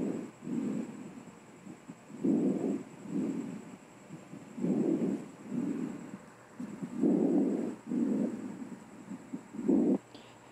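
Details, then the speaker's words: Soft, low-pitched breathing, inspiration much longer than expiration with no gap between: normal vesicular breath sounds (vesicular murmur), teaching example. "el sonido normal en la mayoría de los pulmones es suave de bajo tono la inspiración es mucho más larga que la espiración y no hay un espacio entre ambos"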